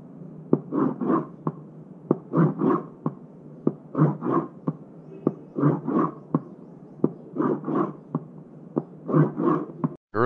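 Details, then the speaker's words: Imitated heart sounds made on a cardboard box: sharp taps with a harsh, diamond-shaped crescendo-decrescendo swell beginning after S1 and ending before S2; ejection systolic murmur of aortic stenosis. "ejection systolic murmur in aortic stenosis begins after s1 and ends before s2 diamond-shaped that is crescendo decrescendo murmur and it's a harsh murmur"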